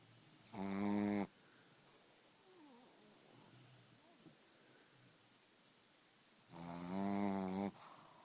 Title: Snoring puppy Thor